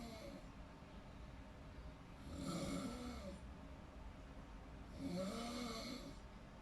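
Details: Person snoring in deep sleep: two rattling snores on inhalation, a few seconds apart, about 23 breaths a minute, over quiet room noise.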